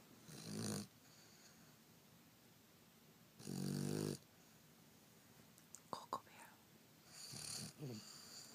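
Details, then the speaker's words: Snoring in Coco, a small female dog, asleep: loud, rattling, pig-like snoring breaths about every three seconds, with a few clicks and faint noises between. "Hey, Coco. You're snoring like a pig."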